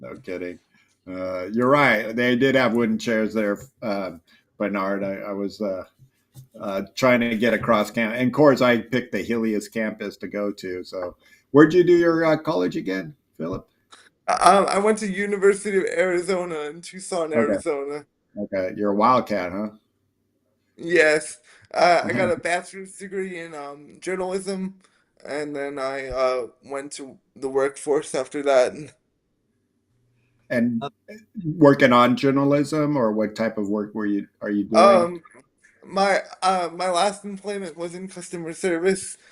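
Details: Dysarthria in a 27-year-old man with spastic quadriplegic cerebral palsy from a brain injury at premature birth (born three months early as a triplet), affecting his motor function, balance and speech.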